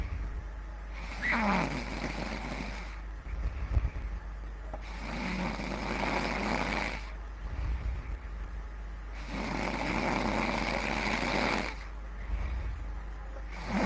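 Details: Loud "rage" snoring: three rough, rattling snores, each about two seconds, with quieter breathing between them and steady low room hum.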